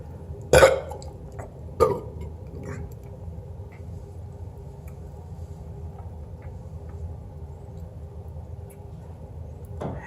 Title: Burping on prompt